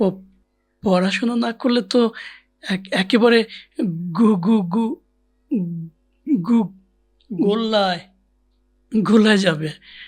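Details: Acted stuttering in a comedic Bengali portrayal: a syllable is repeated before a word.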